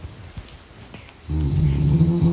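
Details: Husband snoring at night: quiet rustling, then a loud, deep, vibrating rumble on the in-breath; snoring.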